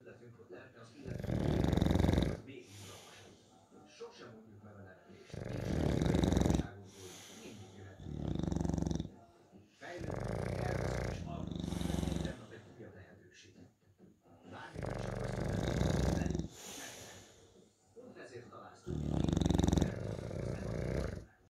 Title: Angol bulldog horkol😅Bonbon&Nitro🥰English bulldog snoring